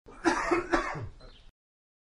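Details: Sound-effect recording of a double cough: two quick, harsh, throaty cough bursts close together with a clearing quality and short fading tail.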